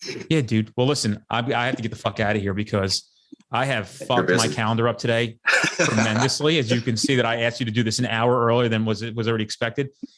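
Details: Adult man speaking; ordinary speech.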